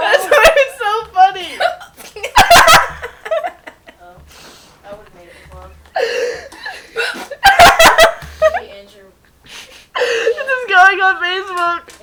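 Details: Hiccups interrupting laughter: sharp, abrupt vocal catches recur between bursts of voiced sound and laughing.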